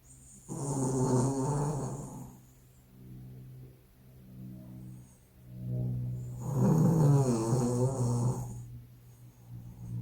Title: My dog snores so loud that the house is shaking